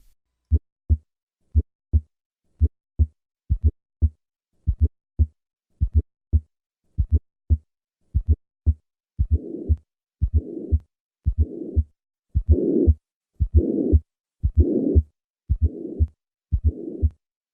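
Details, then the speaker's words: Tricuspid regurgitation with fourth heart sound at the lower left sternal border: slow heartbeat about 58 per minute, soft extra sound before each first sound, then a blowing murmur filling all of systole, increasing during inspiration with respiratory variation. "this murmur is heard at the lower left sternal border as with most right-sided lesions this murmur increases during inspiration notice the respiratory variation of this murmur"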